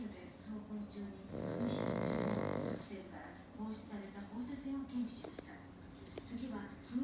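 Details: Black pug napping, snoring very loudly: a long rattling snore followed by softer snuffling, snorting breaths from a short-nosed dog.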